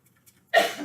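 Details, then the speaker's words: The speaker's mother gives a single abrupt, harsh cough after near silence, cut off; the cough is attributed to allergies. "my mom, that cough is allergies."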